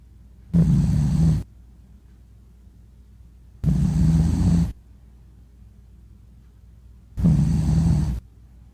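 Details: Dog snoring: three loud, low, rattling snores about three seconds apart, near 20 breaths a minute, with quiet pauses between; snoring.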